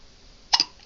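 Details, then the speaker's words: Infant aged 3.5 months (15 weeks): a single short, sharp hiccup in a quiet room during a bout of hiccups; ordinary hiccup. "Oh my. Oh my. How you going to get rid of those hiccups?"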